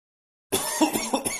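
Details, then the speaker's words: Adult man's acted cough in a comedy skit: about half a second of silence, then a short rough burst of noisy throat sounds. Cough. "Я всего лишь кашлянул а рот ты почему не прикрыл когда кашлял"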